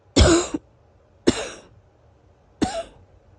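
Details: Somewhat wheezy morning cough in an adult sniffling and coughing for days after a weather change from 90° to 70°: three short, forceful coughs, some ending with a brief whistling, musical tone.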